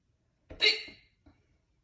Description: Had soup for dinner. Ate a bunch of crackers afterwards because i was still hungry, and then got these super loud hiccups from that.